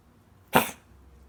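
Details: A single short, harsh cough burst from a dog named Telly in a quiet room; the owner wonders what it ate.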